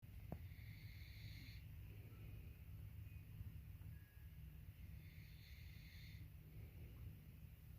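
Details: Snoring of a man.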